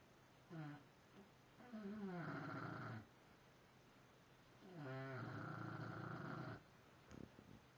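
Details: Sleeping bulldog: two long, loud, buzzing snores, each rising in pitch at onset, with quiet gaps between breaths; snoring.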